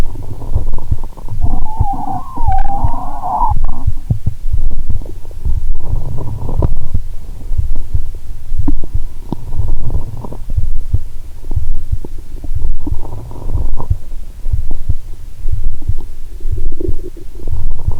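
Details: Stethoscope on own abdomen while lying down after a Mentos and cola challenge (not all the cola drunk): low rumbling and thumping with a few gurgles, no sloshing or popping sound, perhaps from too much fluid; active bowel sounds.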